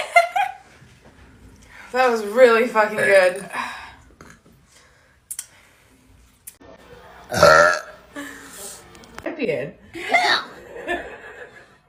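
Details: Female giving long, deep, rumbling voiced burps while drinking flavoured drinks, with brief talk and laughter between them; belching.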